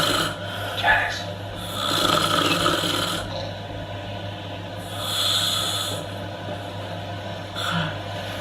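Loud, rough, rasping breaths during sleep, recurring every few seconds over a steady low room hum: snoring.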